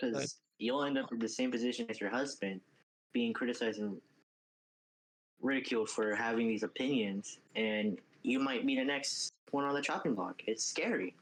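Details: Adult male speaker; ordinary speech.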